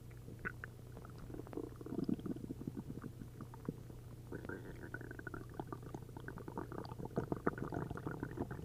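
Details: Continuous bubbling, gurgling bowel noises with watery trickles over a steady low hum after drinking a liter of milk and a liter of prune juice; loud borborygmi from an upset stomach.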